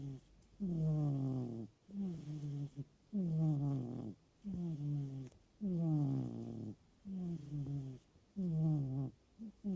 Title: snoring